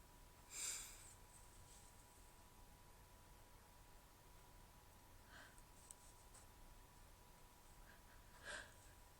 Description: So, I decided to go ahead and record some stifles for you guys. They were hard to stifle, and one of them came out.